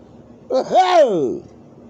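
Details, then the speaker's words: Single loud, voiced "dad sneeze" during summer allergies: a drawn-out vocal sound rising then falling, in a quiet room. "oh and that's the dad sneeze you know uh you know my papal had it and well i didn't i didn't know my dad too well he probably had it too"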